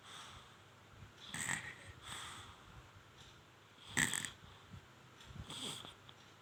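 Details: Infant snoring during sleep: soft, irregular snorting noises on inspiration, about 24 a minute, with faint whistling.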